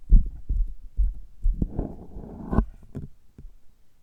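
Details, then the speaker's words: Abdomen tapped and heard through a stethoscope in an ASMR recording: dull, low thumps at irregular intervals with a brief gurgling rumble in the middle; abdominal percussion. "今日は聴診器を使ってお腹のタッピングの音をお届けしたいと思います。"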